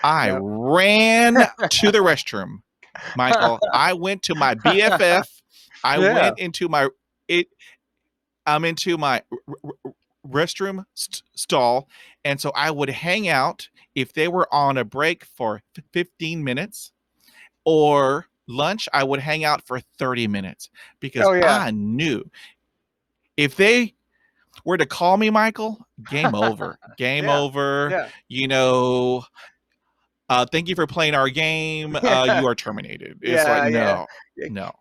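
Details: Adult man who stutters, with audible part-word and whole-word repetitions; finding: stuttering.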